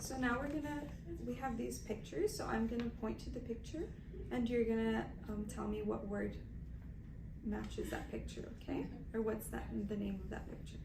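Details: Adult woman giving test instructions; Normal speech.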